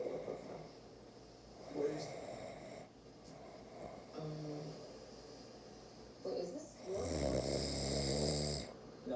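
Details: An adult man fell asleep during blackhead extraction from his face. His inward breaths make deep, rattling snores, with one longer, louder snore near the end over faint room noise. It is snoring.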